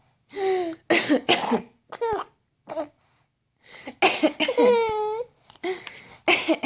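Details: Adult gives repeated short coughs while a baby girl answers with bursts of squealing, high-pitched laughter.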